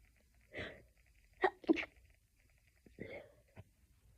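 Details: A stifled sneezing fit: a run of short, muffled, held-back sneezes with soft catches of breath between them, in a quiet room.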